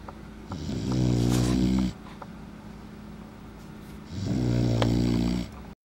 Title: Snoring puppy